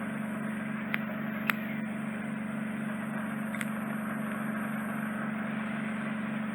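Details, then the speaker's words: Steady low hum with hissing suction and brief clicks as soft wax is drawn from the upper ear canal during endoscopic ear wax microsuction; client had bilateral deep occluding earwax. "it's a bit of soft wax to secure relief that means a top part of the ear canal so I'll just put a little fine and gorge and we'll remove that for you"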